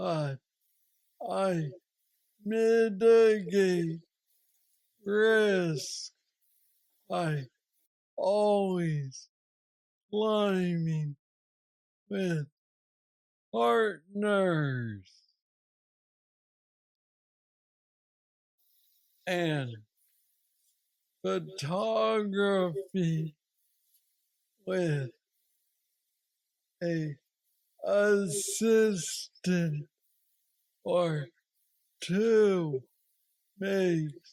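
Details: Hypokinetic dysarthria (Parkinsonian speech) in a 46-year-old man diagnosed with aggressive Parkinson's disease at age 35, worsening since, with mobility problems and treated with a brain neurostimulator implant.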